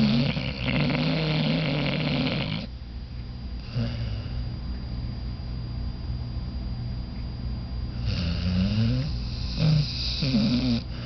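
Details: Sleeping pit bull guard dog snoring: loud, rough, rattling snores with quieter breathing between them.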